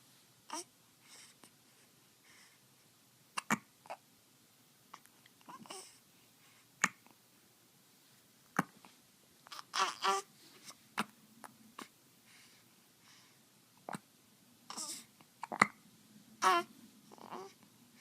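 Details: Hiccups: repeated abrupt, brief click-like sounds at irregular intervals, some with a faint voiced catch, amid soft breathing and small vocal noises.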